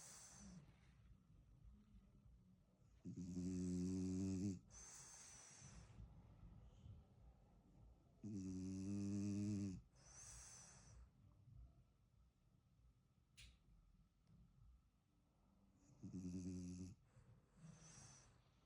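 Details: French bulldog puppy snoring right after falling asleep: three loud, rumbling snores about 12 a minute, with soft nasal breathing between them, in a quiet room.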